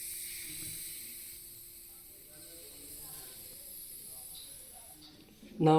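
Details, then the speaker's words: Hand-held mercury-free Welch Allyn aneroid blood pressure apparatus with an adult size 11 cuff and gauge: steady soft hiss of air escaping through the release valve as the cuff deflates, ending in louder handling noise. "this is air releaser bulp anding this is gauge and we will connect here connect and now I will connect connect here now it's connect ready cu now release 100 air releaser it's"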